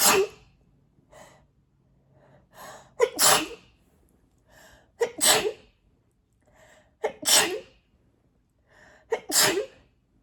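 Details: Part of a mostly covered allergic sneezing fit of 17 sneezes, possibly triggered by cat hair on a sweatshirt: five forceful, partly muffled sneezes about two seconds apart, each preceded by a short catching inhale.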